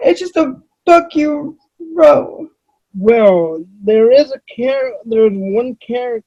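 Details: Adult female with cerebral palsy, who reports that voice-recognition software fails to understand her about half the time; dysarthria due to cerebral palsy.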